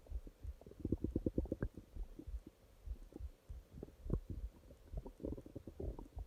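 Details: Stomach growling at night: bowel sounds (borborygmi).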